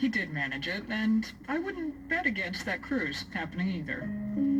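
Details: Adult speaker; typical speech.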